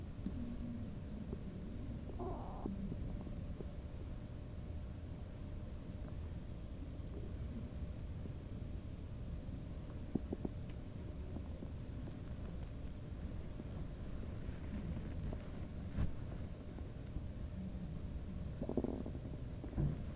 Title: Bubble guts?! LOL highly requested stomach noise video-sorry about all the other noises in the back